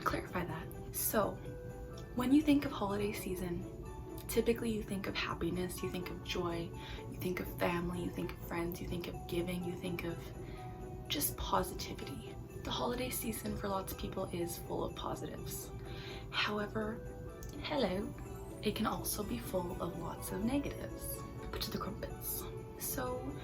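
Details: Young woman with Tourette syndrome for over 10 years, involuntary movements and vocal tics; a vocal tic occurs here. Finding: vocal tics (Tourette syndrome).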